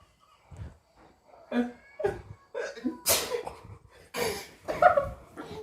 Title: #Shorts | Pappa..!! dont sneeze without mask. | Cute video of the day (Must watch)